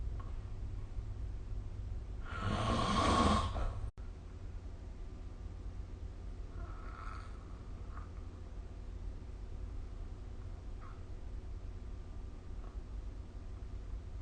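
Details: Snoring during sleep recorded with the SnoreLab phone app: one harsh snore and a faint second breath sound over steady room hum.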